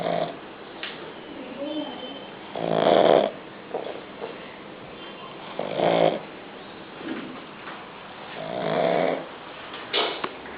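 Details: Young pug snoring during an afternoon nap: loud, rough snoring breaths, about three in ten seconds, some softer between; ordinary dog snoring.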